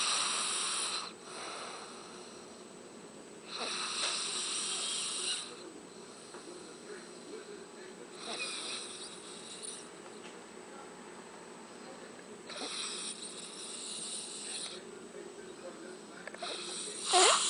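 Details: A sleeping person gives rhythmic, hissing snore sounds about every four seconds, roughly 15 breaths a minute; snoring.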